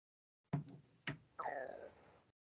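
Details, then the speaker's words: An adult man's stomach growls audibly while hungry: two dull thumps, then a gurgling, falling squeal, ordinary borborygmi from gut movement. "the hell is that did you hear that that was my stomach"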